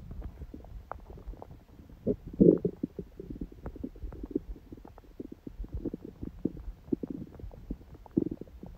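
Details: Own stomach after a smoothie breakfast and salad, on a day the stomach stayed mostly quiet: soft gurgles, clicks and a brief louder rumble in a quiet room, ordinary bowel sounds.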